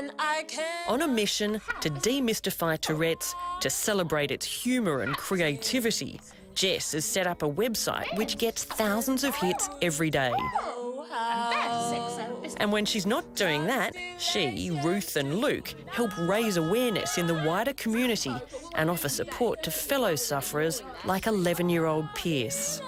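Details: Adult narrator; typical speech.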